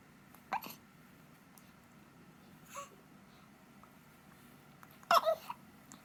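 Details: Hiccups in a 5-day-old newborn: brief, sharp squeaky catches every couple of seconds, three or four in six seconds, over quiet room noise.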